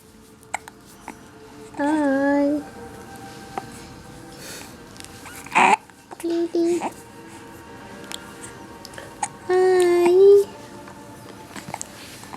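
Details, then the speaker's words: Two-month-old infant boy with hiccups: short, abrupt hiccup sounds between babbling and vocal sounds, faint background music; infant hiccups. "you can't stop hiccuping"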